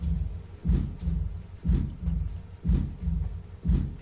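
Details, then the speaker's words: Soft diastolic aortic regurgitation murmur filling the pause after each beat, regular heartbeat near 60 a minute; the valve does not shut all the way during diastole. "you hear that yeah it doesn't stop do it's during Dias not s see now doesn't shut all the way see the hole is there during when it's supposed to shut"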